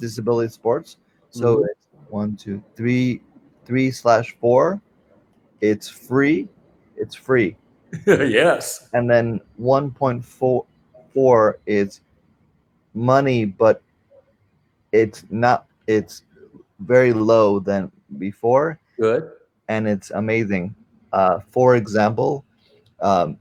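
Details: Man with non-fluent aphasia since a stroke during heart valve surgery in 2007; shortly after the stroke his speech was limited to single words; real chronic post-stroke non-fluent aphasia.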